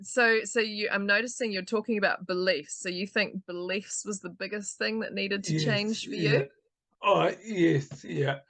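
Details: Adult woman speaking; typical speech.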